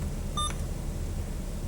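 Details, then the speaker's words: A single short electronic beep over low room hum from a pediatric syringe pump used for small-volume infusions such as antibiotics, confirming a paused infusion has been restarted. "if I need to pause it I do have a pause so if I needed to check my site it's alarming something's going on I need to change the kids diaper or shirt or something I can pause it and then I would use this button to restart"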